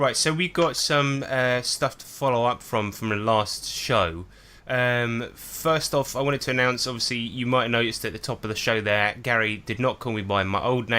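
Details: Adult male speaker; normal speech.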